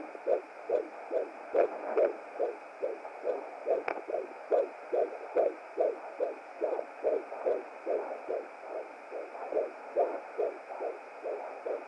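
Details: Fetal heartbeat at 17 weeks 5 days of pregnancy on a hired Hi Bebe BT200 home fetal Doppler: rapid, regular whooshing pulses about 143 beats a minute.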